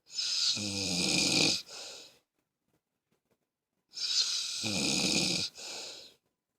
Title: Snoring(1)